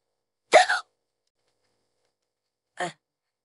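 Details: Two short, abrupt voiced gulps about two seconds apart in a quiet room; hiccups of a woman who says she has had them on and off for 15–20 minutes and can't fall asleep; hiccups.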